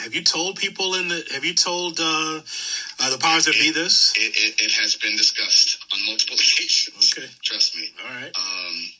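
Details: Adult male speaker, podcast conversation; typical speech.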